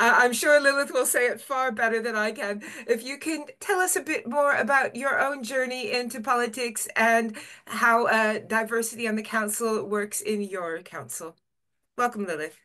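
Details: Adult woman speaking; ordinary speech.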